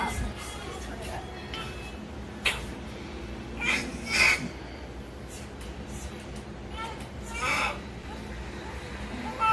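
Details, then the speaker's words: Newborn boy crying right after a home birth at 37 weeks 3 days, following the mother's two prior C-sections. A few brief, thin cries over room noise; the baby is fine, just mad. "Wow. Baby's fine. Just mad."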